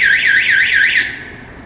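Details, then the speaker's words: Real AED cabinet opened during church AED training: a loud, rapidly warbling electronic siren that cuts off after about a second. "Now we're going to come to our AED. I have no idea how loud this sounds, so we're all going to find out."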